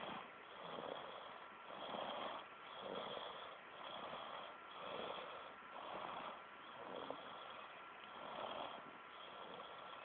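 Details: Soft, regular snoring breaths about once a second over steady background hiss and a faint hum; snoring.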